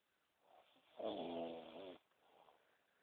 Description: my mate in amsterdam snoring at 6am...couldnt sleep!!!